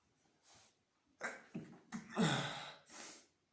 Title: sneezing on the bed